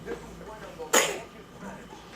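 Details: Infant: one brief, sharp, breathy burst amid quiet room noise and soft adult voice; a single sneeze.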